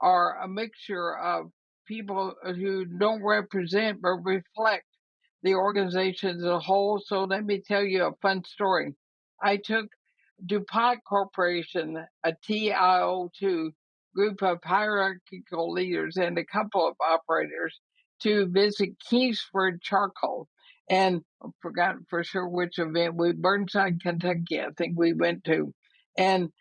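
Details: Dysarthria in an 80-year-old woman with ALS (Lou Gehrig's disease), which also affects her breathing; she says her speech already shows quite a bit of trouble but remains intelligible.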